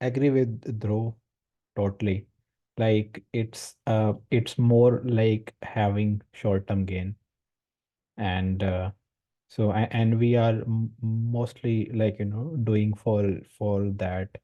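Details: Male participant in a stammering support group course; his speech shows word and syllable repetitions. Finding: stuttering (stammering).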